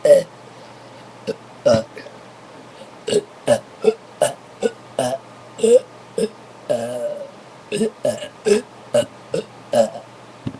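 About twenty loud, deep, croaky burps in quick succession over ten seconds, some longer and drawn out.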